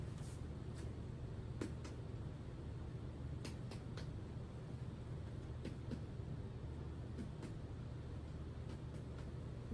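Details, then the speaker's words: Nursing abdominal assessment: soft paired percussion taps moving clockwise from the right lower to the left lower quadrant give a hollow tympanic note in all quadrants, normal over gas-filled bowel; bowel sounds were neither hypoactive nor hyperactive. "Um, I'll be starting off in the right lower quadrant and work my way to the left lower quadrant in a clockwise fashion. Um, and I just want to make sure that each quadrant has a tempanic uh sound that I hear."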